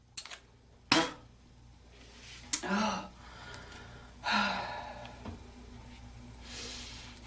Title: girl coughing hocking spiting ❣️